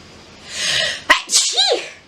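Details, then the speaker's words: Woman sneezing after sniffing pepper-dusted flowers: a breathy inward build-up, then a sharp 'achi'-style sneeze burst with a short voiced tail; a single ordinary sneeze. "oh i usually do that a chew noise but i've been asked for achi so i'm going to give that a go as well i just have to remember because in that moment of sneezing i don't really think of much except just letting it out so"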